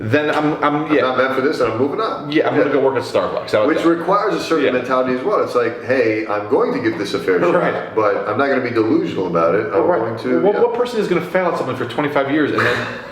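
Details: Adult male speaker in conversation; no speech disorder.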